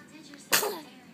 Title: sneezing